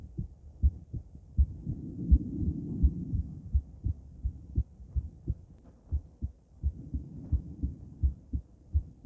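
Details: Female heart auscultated with different stethoscopes at Erb's point, then mitral, tricuspid, aortic and pulmonic sites: steady, crisp lub-dub heartbeats at about 83 per minute with soft rustling hum between beats; normal heart sounds.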